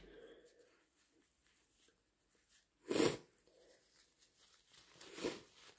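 Two abrupt, wet bursts of air with quieter breathing and sniffing between them; sneezes in a small room.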